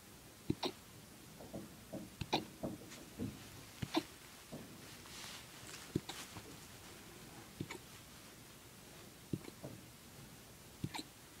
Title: Puppy hiccups